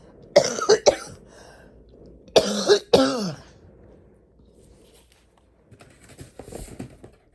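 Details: Adult woman with a cold, sore throat and headache: two short bursts of two to three harsh coughs each, then quiet rustling; cough with a cold.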